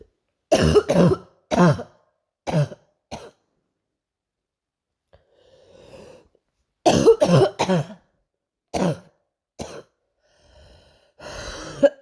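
Two runs of harsh coughs, about nine bursts in all, separated by quiet breaths in a silent room; repeated night-time coughing.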